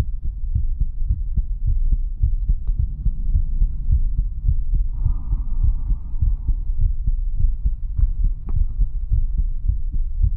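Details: Steady, repeated low thumping heartbeat with a brief faint hum midway, used as an ASMR relaxation track; normal heartbeat.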